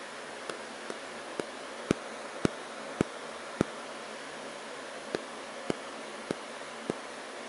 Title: Joint Cracking